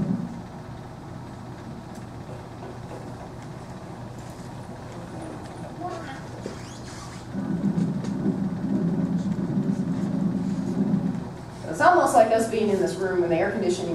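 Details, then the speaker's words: Continuous murmur of patent ductus arteriosus: diffuse washing-machine-like noise in the chest, hard to localize, louder with the stethoscope at the thoracic inlet. "it sounds like a bunch of noise in the chest but you can't really localize it because it's not a sort of sound it actually sounds kind of like a washing machine that's just running in the background"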